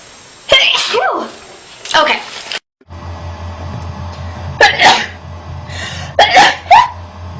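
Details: Several sharp sneezes from a woman, each with a voiced build-up, against background music and room noise; ordinary sneezing set off by dust.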